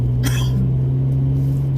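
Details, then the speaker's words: Single short, dry adult cough over steady car engine rumble; speaker attributes itchy throat to the season warming up and says he does not feel sick: dry cough. "I don't feel sick. This is just a dry cough stuff that happens because it's already that time of year."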